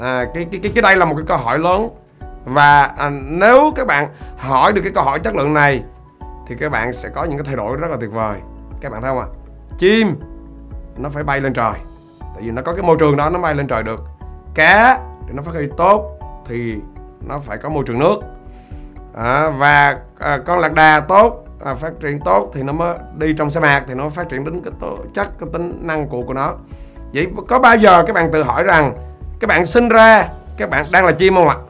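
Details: Stuttering in an adult male who says he stutters; he reports it once made him lack confidence and barred him from applying to a teacher-training university.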